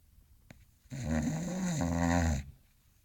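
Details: English Bulldog sleeping and dreaming: long, loud, rattling, wavering breath; snoring.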